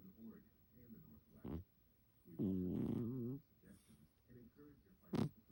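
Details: Sleeping cat dreaming: quiet breathing with a few longer buzzy, rattling snore sounds and short snorts; soft snoring.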